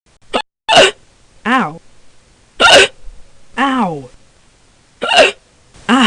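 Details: Hiccups from a Scratch project: repeated short, abrupt voiced gulps at irregular intervals, some with a brief squeak of voice.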